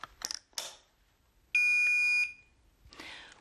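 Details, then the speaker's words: A battery clicks into place in a Philips HeartStart Home AED, then a steady high electronic tone sounds for under a second as the defibrillator automatically begins its self test, which takes about a minute. "As soon as the battery is inserted, the defibrillator will automatically begin a self test, which takes about a minute."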